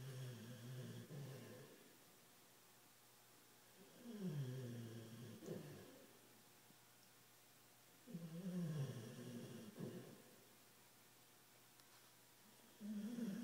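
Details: Tired pit bull dog asleep and snoring: slow, rough, low rattling noises on each breath, about 14 a minute, with quiet gaps between.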